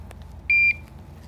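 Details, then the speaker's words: Infusion pump powering on to start TPN through a double-lumen PICC line in a patient with hyperemesis gravidarum. A single short, loud, high-pitched startup beep over quiet room noise. "I'm going to turn the pump on and it's going to make a couple loud beeps as it turns on and goes through its little menu"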